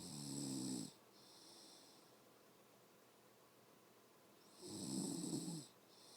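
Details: Two loud, low, rattling snores on breathing in, separated by quieter breath noise, from an adult woman (mother); snoring.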